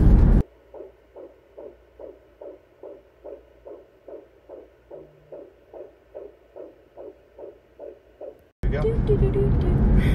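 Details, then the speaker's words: Fetal heartbeat heard on a home Doppler: rapid, regular whooshing pulses at about 136 a minute, in the normal range. "we've been like hearing its heartbeat at night they like this little thing that she has"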